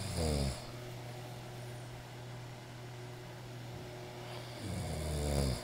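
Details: Worn-out visitor sleeping: loud, deep, rattling heavy snoring on breathing in, with a steady low drone between snores.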